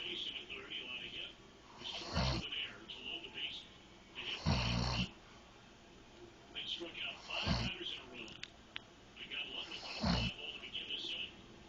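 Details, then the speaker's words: An adult husband snoring in his sleep while his wife teases him. "baby you're snoring you're so cute"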